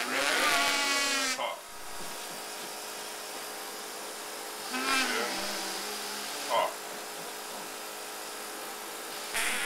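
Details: 23-year-old man with Duchenne muscular dystrophy using a cough assist machine to clear his lungs; cyclic whoosh of inflation then rapid suction, strained vocal sounds, steady motor hum: mechanical insufflation-exsufflation.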